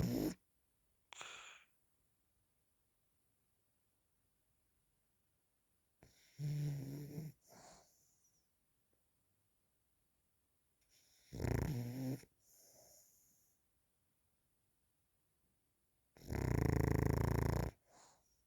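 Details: Ordinary snoring: three loud, low, rattling snores on slow breaths, each followed by a softer exhale, with long quiet gaps between.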